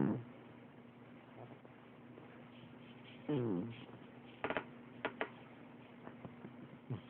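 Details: Cat rescued from a shelter, has always snored: snoring in a quiet room about every three to four seconds, some snores with a wavering, almost voice-like human-sounding tone.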